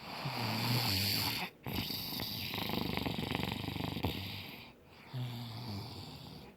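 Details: Heavy snoring in a kid after a camp-out: loud, buzzing, rattling snores with sputtering, flapping noise between them over steady background hiss.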